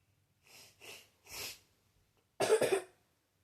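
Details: Five coughs from the speaker's cousin in a quiet room: three soft, dry coughs, then a louder double cough.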